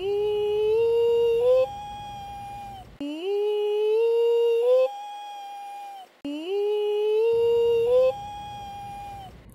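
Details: Vocal fold swellings touch and shorten the vibrating segment, so on an upward pitch glide the voice suddenly breaks to a much higher note, about an octave up; pitch break on upward glide.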